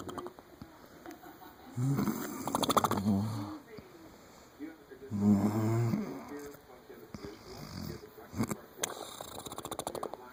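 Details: Two loud, rough, rattling snores with clicking and snorting between them; a coarse, horse-like snore.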